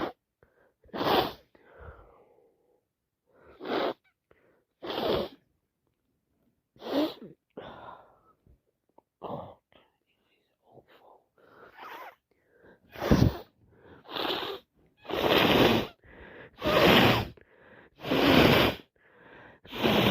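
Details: Repeated sneezing with a bad head cold: a run of about a dozen forceful, wet sneezes, some preceded by sharp intakes of breath.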